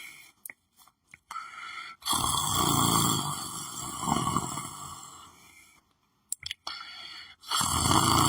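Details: Person lying on the floor of the room, sleeping: long, rough, fluttering breath sounds separated by pauses, with faint clicks and room noise; snoring.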